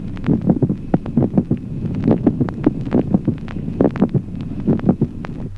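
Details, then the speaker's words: Mid-systolic click: regular heartbeat with a brief, sharp extra sound about midway through systole, between the first and second heart sounds. "ejemplo séptimo clic mesosistólico Aproximadamente en la mitad de la sístole un ruido adicional breve"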